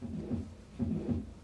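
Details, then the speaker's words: Simulated heart sounds from a computer-based teaching patient, heard by selecting a virtual stethoscope: low thumping beats with a soft rushing sound between them, a heart murmur in a dizzy female patient who also has an arrhythmia. "can hear that there's a bit of a murmur in this patient so that gives us maybe some idea about why or dizziness it turns out she's got also away arrhythmia problem"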